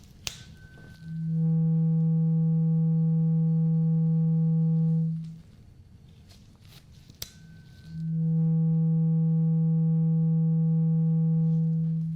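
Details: Simulated hearing test in a role-played annual doctor exam: a tap, then a pure humming tuning fork tone held about four seconds, repeated twice; listener asked which side, left or right, they hear it.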